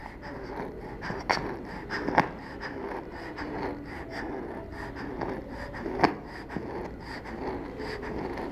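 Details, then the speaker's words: Child in a training exercise on identifying stridor: noisy breathing with faint musical whistling on breathing out, an expiratory wheeze, not stridor. "we heard a wheezing sound when breathing out therefore we decided that did not have stridor stridor is a harsh sound on breathing in this child has wheeze when breathing out"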